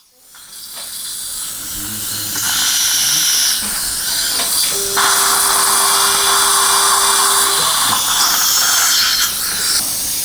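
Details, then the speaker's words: 63-year-old male, implant at upper #16 (missing 16 and 17) with OneGuide template and GBR, flap reflected: high surgical drill whine in bursts during 4.5 × 10 mm osteotomy drilling; bone quality not very good. "4.5 by 10 millimeter drilling is done bone quality is not very good"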